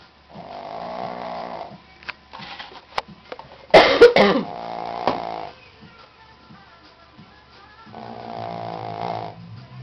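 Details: 11-year-old female Shih Tzu: long, tonal, buzzing snore sounds on each breath, three clear rounds with a snort-like burst between them: snoring.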